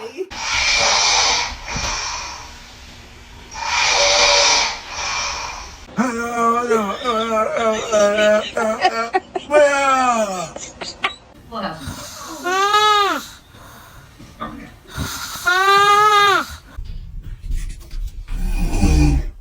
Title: Funny snoring 💤 #funny#snore #strange #funnyvideo #fyp